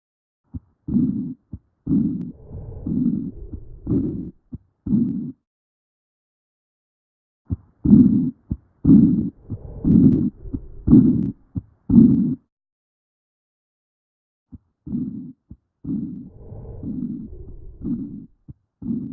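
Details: Heart auscultation through a stethoscope: low, muffled heartbeats at about 60 a minute, heard in three stretches separated by silent gaps.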